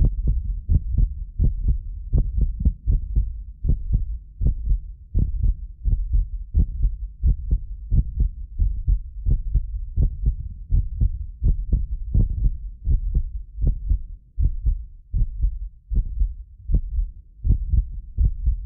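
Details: Real heartbeat of a medically fit person recorded with multiple precision contact microphones: steady deep beat at about 80 a minute, occasional doubled clicks from a ~6 ms delay between microphones, not heart disease; normal heart sounds.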